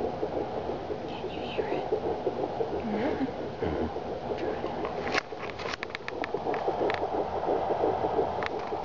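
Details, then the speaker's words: Fetal heartbeat at 10 weeks of pregnancy heard for the first time on Doppler; fast, whooshing, galloping pulse through loud Doppler hiss, briefly lost mid-way, at the normal fast rate. "we have a new one that's coming next march and we're going to listen to the heartbeat for the first time"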